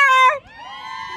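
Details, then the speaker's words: Loud, high, tonal wail breaking into a softer, wavering cry: a newborn girl's first cries right after vaginal delivery. "47. oh he's crying you're a moment that's your that's your little girl"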